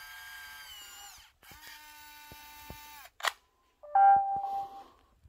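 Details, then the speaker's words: Amgen AutoTouch reusable autoinjector delivering an Enbrel mini (etanercept) single-dose prefilled cartridge after the green-glowing button is pressed; high mechanical whine with clicks, brief whir, then short electronic tone; autoinjector operating sound, painful per the user. "there's the magic button on the end it's glowing green when it's ready to rock here goes nothing we hit the button sounds like a camera"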